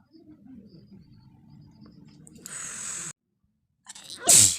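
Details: Soft sniffling, then a forceful hiss of nose blowing and a sharp, loud sneeze at the end.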